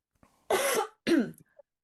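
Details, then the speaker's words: Adult woman who has been coughing non-stop, with her voice affected, gives two harsh, noisy cough bursts followed by faint throat noise: a persistent cough. "Uh, sorry about my voice. I've been coughing non-stop and it's I wasn't supposed to speak"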